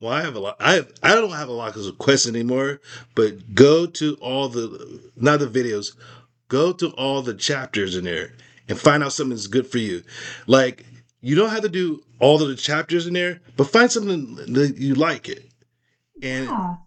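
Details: Aphasia after a stroke in a man, speaking in a conversation about his recovery; finding: aphasia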